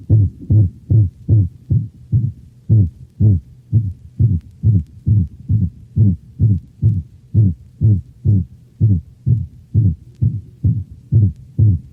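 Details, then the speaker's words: Dog: a high-frequency, musical systolic whoop (seagull) murmur, a variation of the holosystolic murmur heard with atrioventricular valvular insufficiency. "the systolic hoop or seagull murmur is a variation of the holosystolic murmur heard with atrial ventricular valvular insufficiency notice the high frequency and musical quality of the systolic hoop"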